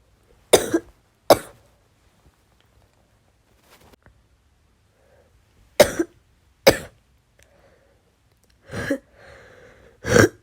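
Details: Woman's bronchitis cough: six harsh, chesty coughs in three pairs with quiet pauses.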